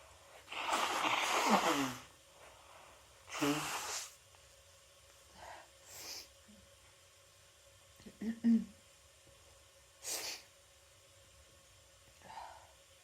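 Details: Person with a cold, after holding back sneezes all day, uses chhinkni to trigger sneezing: two forceful, noisy sneezes, then quieter sniffs and breaths in a quiet room.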